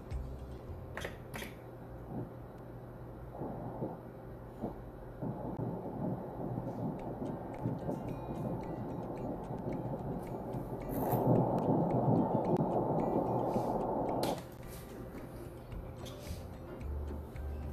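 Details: Twin pregnancy at 7 weeks 1 day, embryos 1.12 cm: rapid rhythmic whooshing Doppler ultrasound pulses of one embryo's heartbeat at 154 beats a minute, normal; fetal heartbeat on Doppler ultrasound.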